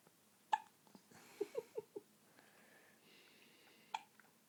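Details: Girl with hiccups: short, sharp hiccup sounds, two isolated ones and a quick run of four, in a quiet room.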